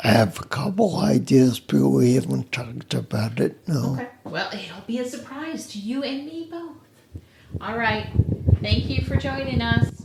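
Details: Adult speakers, podcast conversation; ordinary conversational speech.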